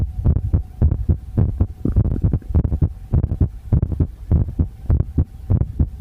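Steady, regular low thumping heartbeat at about 100 beats a minute, with a faint steady hum in the background.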